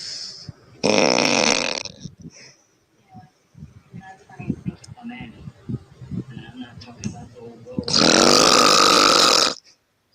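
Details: Woman snoring: two loud, harsh open-mouth snores with a strong back-of-throat inhale and raspy flutter, with soft smacking and breathing between them.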